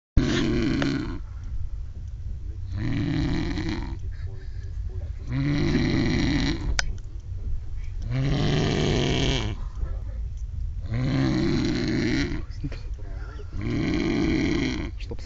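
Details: Person snoring on a train: loud, rough, rattling breaths in a steady rhythm, about 12 breaths a minute, heard on both breathing in and out; heavy snoring.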